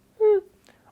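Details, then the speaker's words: Adult man with Tourette syndrome demonstrates a single brief voiced grunt-like sound; simple vocal tic. "Examples of vocal tics include making a sound"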